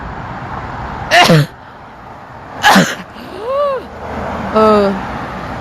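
Two sharp, explosive adult sneezes a second and a half apart, followed by brief voiced exclamations.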